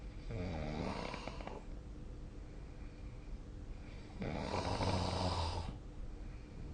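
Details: Snoring from a sleeping adult, recorded with a snore-tracking phone app: two rough, rattling snores on breathing in, about four seconds apart, with quiet breathing out between.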